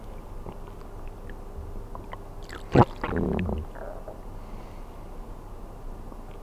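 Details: Stomach sounds recorded while sleeping on an empty stomach: a short gurgling, squelching rumble over quiet room noise; normal hunger bowel sounds.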